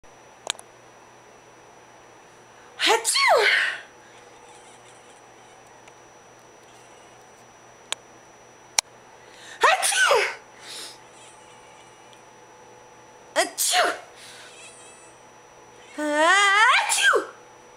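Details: Cat that hates sneezing: four sharp, explosive sneezes several seconds apart, some with a voiced cry, in a quiet room.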